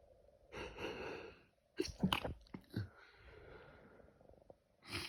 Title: Allergy Season Sneezing Fit